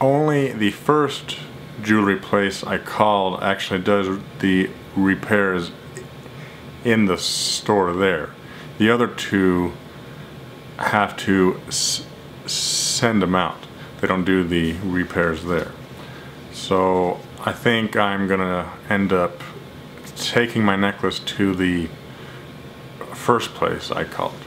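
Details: Stuttering in an adult who tells the listener he has a speech problem, speaking during a phone call to a jewelry store.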